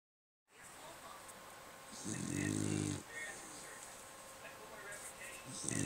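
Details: Snoring: one low, rumbling, vibrating breath over steady room noise, with softer breathing around it.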